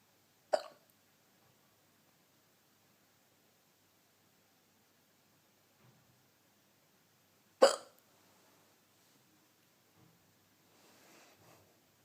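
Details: Two sharp, abrupt hiccups about seven seconds apart in a quiet dark room while the person was trying to sleep.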